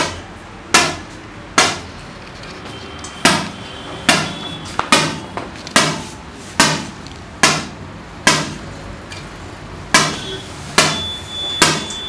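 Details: Lithotripsy (ESWL) kidney stone treatment: sharp loud clicking shock wave pulses repeating about 70 times a minute.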